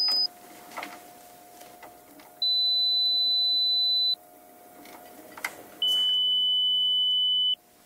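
Two steady pure tones, each about one and a half seconds, the second slightly lower in pitch, over faint room noise: audiometry test tones.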